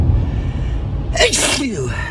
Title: Cold from hell. Morning of the nose. Sneezing snotty and blowing with some coughing in there, too